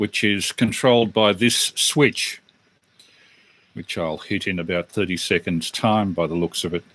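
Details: Adult male speaker; normal speech.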